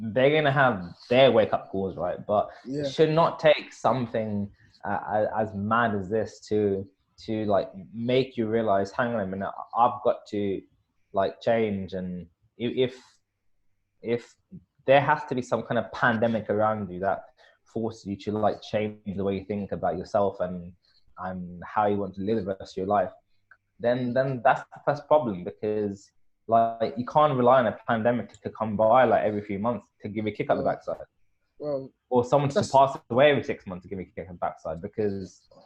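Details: Adult man who stutters, hosting a podcast run by people who stutter; stuttering.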